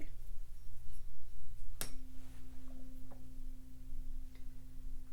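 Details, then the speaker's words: A simulated ASMR cranial nerve exam for a shoulder injury from a fall: a tuning fork is struck and placed behind the ear for a hearing check. A sharp strike, then a steady pure tone that slowly fades; the patient reports it as faint. "I'm gonna go ahead and check your hearing. And what I'm going to do is I'm going to create a vibration sound. I'm going to put it right here behind your ear."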